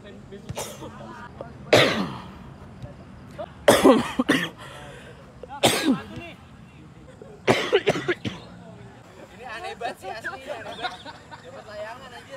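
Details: An adult man coughs repeatedly outdoors during a football game, about six loud, harsh coughs, some in quick pairs, from a compilation of his coughing.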